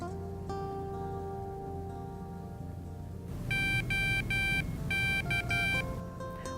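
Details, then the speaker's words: About six short high beeps over a low steady hum: a CADD Solaris infusion pump's self-test at power-on after battery replacement, before attaching the TPN cassette; the beeps confirm successful startup. "once you hear those beeps that means that the pump has successfully turned on"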